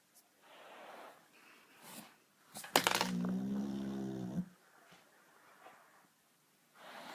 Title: Rexie the Boxer dog disturbs himself with own snoring